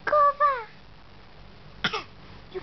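An infant gives two short voiced, high-pitched coughing sounds, then a sharper cough and a faint final one.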